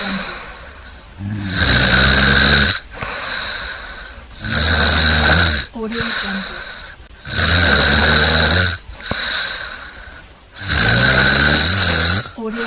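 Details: Loud, rough, rattling snoring breaths at about 20 a minute with quieter airy sounds between them; snoring from a compilation.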